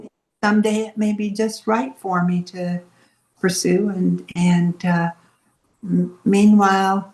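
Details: Adult woman speaking; Normal speech.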